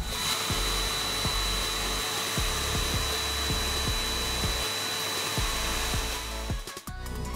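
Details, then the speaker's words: Portable dental vacuum forming machine (U ortho vacuum mold) heating and molding a plastic sheet over a patient cast: loud continuous whirring motor, light rhythmic ticking, ending in clunks. "the heating action is started. With time elapsing, the heating action will cause dipping of the sheet. Once the right time has elapsed, start the molding."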